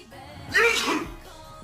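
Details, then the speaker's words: Single loud sneeze over background music from a person who can't stop sneezing and jokes "I sneezed, oh, I'm not allowed to"; a humorous clip. "Nice, Ryan. I sneezed. Oh, I'm not allowed to."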